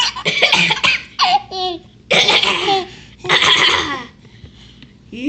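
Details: Several short, noisy cough bursts from a child, with an infant's bright, squealing laughter between them; plain cough.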